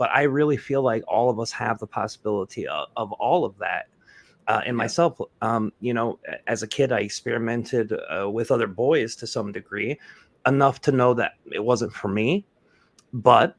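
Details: Adult male speaker; typical speech.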